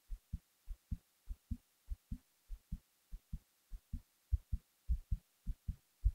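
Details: Heartbeat recorded while falling asleep: steady paired lub-dub heart sounds at about 100 beats a minute.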